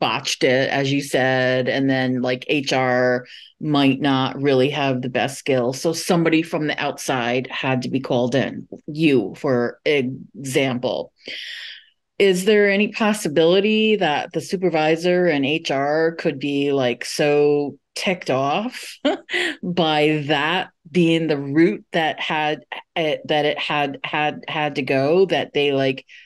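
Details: Adult moderator asking a question in English during a session for people who stutter; word repetitions are audible; stuttering.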